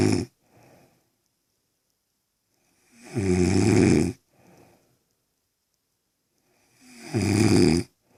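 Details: An adult woman snoring in sleep: loud, rattling snores on breathing in, with quiet breaths between, about 15 breaths a minute; ordinary snoring.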